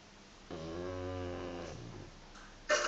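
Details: Pug snoring: one drawn-out, buzzing snore lasting about a second, then a sharp noise at the end; typical flat-faced dog snoring.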